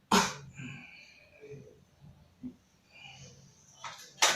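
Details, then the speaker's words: Two short forceful voluntary coughs after three-count deep breaths, seated 40-year-old man with breathlessness, in a nursing-student chest physiotherapy and effective-cough training role-play after palpation and vibration. "Baik Bapak, ini untuk batuknya. Nanti tarik nafas 1-3 ya Pak."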